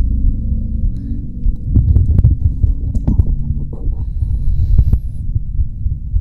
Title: |ASMR| Cozy Heartbeat And Breathing For Falling Asleep